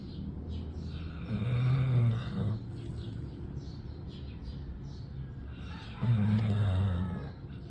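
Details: Two low, rumbling snores about four seconds apart from a sleeping dog, possibly a golden retriever, with faint bird chirps in the background; dog snoring.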